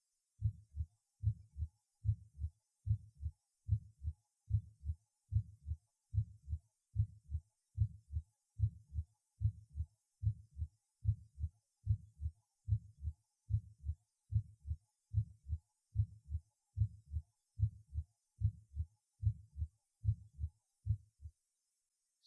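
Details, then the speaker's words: Aortic regurgitation, recorded at the second auscultation point and Botkin-Erb point: regular heart sounds about 73 a minute with a soft, gentle diastolic murmur; the second sound is usually weakened. "диастолический шум во второй и пятый точках аускультации свидетельствует о наличии недостаточности клапанов аорты 2 тонн почти всегда ослаблен прослушайте запись сделаны во второй точке аускультации и в точке боткина эрма"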